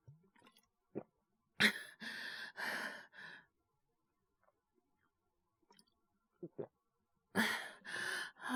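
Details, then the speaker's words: Acted cough by a male voice actor playing a young man with a suspected cold and mild fever (36.9 °C), worse the next day: two bursts of three to four short coughs with quiet breathing between; simulated cough. "ご覧の通りっていうか、お聞きの通りですかね。ちょっと咳出るようになっちゃって。"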